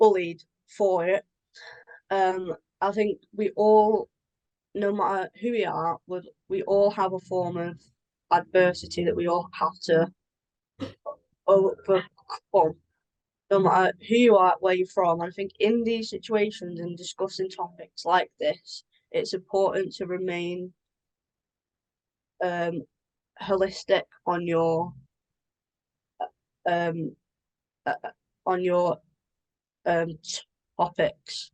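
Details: Adult woman with a stammer since early childhood that began affecting her around age 13–14, at the move to high school; she has blocks and anticipation before speaking: stammering (stuttering).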